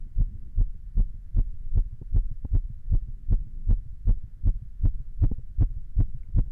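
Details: Rapid, regular heartbeat of about 150 beats a minute, with deep thumps and a faint low hum, recorded while standing along with a little exercise.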